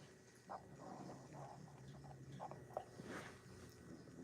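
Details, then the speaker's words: Quiet, low rumbling snorts from a sleeping dog crashed after zoomies, over faint room noise; ordinary snoring. "do you hear the snoring"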